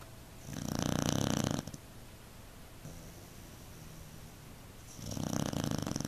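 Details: Beagle snoring so loudly the couch vibrates, making another pet jump off: loud, rasping, buzzing in-breath snores, two in six seconds with a quieter exhale between; snoring.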